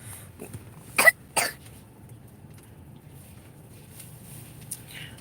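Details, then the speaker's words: Young child with a cold and a cough for a couple of days: two short, sharp coughs close together over quiet room noise, while being urged to cough it out. "like man cough it out she got a little cough she had this cough for like a couple of days"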